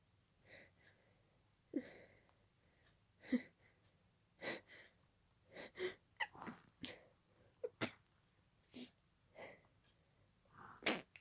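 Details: Sneezing fit continuing from an earlier fit and lasting about 20 minutes at this speed: about a dozen sneezes in eleven seconds, each with a short inward gasp, coming without pause; paroxysmal sneezing.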